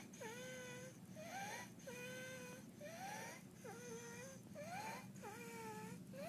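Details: Infant with laryngeal dyspnea: harsh, musical whistling stridor on each breath in and out, about 35 breaths a minute, from a narrowed upper airway.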